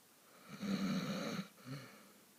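One loud, rattling snore on the in-breath, then a softer snort as the breath goes out; ordinary snoring.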